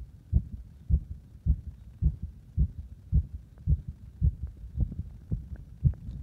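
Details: Person deliberately making their own heart speed up and slow down: steady, muffled low thumps at about 110 beats a minute, a regular heartbeat.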